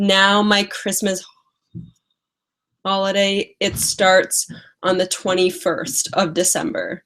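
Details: Woman with a stutter who uses strategies such as prolonging words and talking slowly; stuttering.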